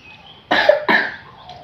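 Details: Two sharp, wet-sounding coughs in a quiet room from a child who is sick with a cough and cold.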